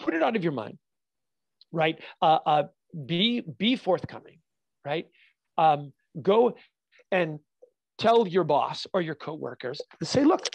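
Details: Adult man with stuttering (fluency disorder) since childhood, still stuttering all the time, not only when nervous; real.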